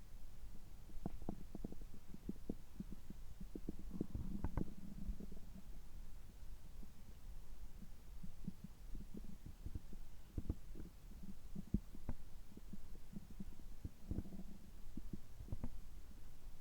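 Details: Bowel sounds recorded right after a gastroscopy (upper endoscopy) at a health checkup, with a normal result: low steady rumbling with scattered soft gurgles and clicks, active bowel sounds.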